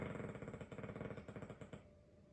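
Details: Loud, rattling, fluttering low snore from a sleeping Dogue de Bordeaux, running through one breath before fading into quiet room noise.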